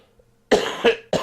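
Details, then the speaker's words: Dry cough from an adult man still recovering from a throat problem the previous week, worsened by dry studio air; two to three harsh, dry cough bursts in a quiet room. "well i cough i'm still getting over the problem i was having last week with my throat and the dry air here in the studio is not helping"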